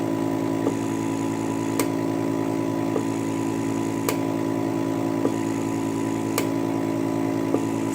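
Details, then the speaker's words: Steady loud motor hum with regular faint clicks about every second from the vacuum suction of a laser lipo cavitation RF machine running in pulse mode, with suction and release set at about ten to eleven. "I put these on I put them about the same about ten eleven and then when you start it you'll hear it here at suctioning and quick"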